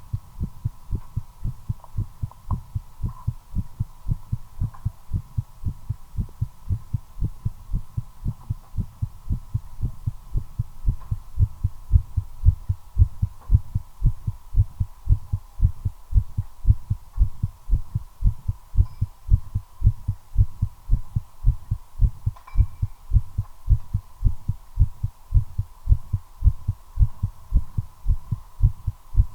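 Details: Own heartbeat recorded during cigarette smoking, accelerating from nicotine: rapid, regular thumps at about 113 beats per minute over a steady background hum; tachycardia.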